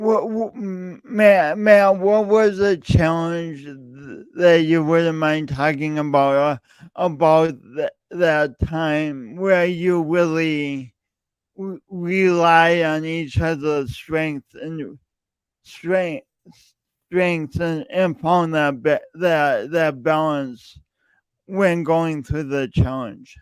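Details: Male speaker who self-reports an audible speech impediment present whenever he speaks, with part-word and word repetitions; stuttering.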